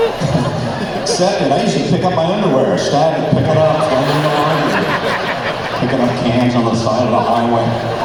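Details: Adult man with spasmodic dysphonia, an incurable vocal disorder that developed at the height of his career and progressively worsened despite vocal coaches and doctors; spasmodic dysphonia.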